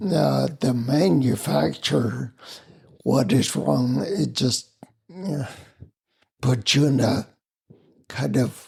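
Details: Adult man with spinocerebellar ataxia of unknown cause, slurred speech since around 1999, hard to understand on the phone, with mobility problems: ataxic dysarthria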